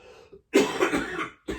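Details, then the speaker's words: Child with COVID-19 and a strange cough felt in the bronchi that won't come up, taking Mucaltin: a loud, harsh, slightly wet cough burst with throat-clearing quality, then the start of another. "они в легких как будто бы кашель что-то вроде бы есть но он не выходит он какой-то странный кашель"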